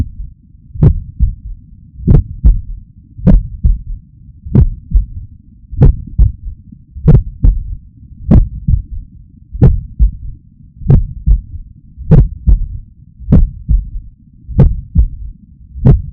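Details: Third heart sound (S3 gallop) in the recorder's own heart, possibly a normal variant under 40 or in a trained athlete: slow, regular heartbeat near 48 per minute with a faint, low extra thud just after S2.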